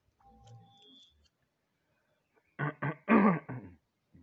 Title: MAIN CODM DULU! ABAIKAN SUARA BATUK NYA HIHI!!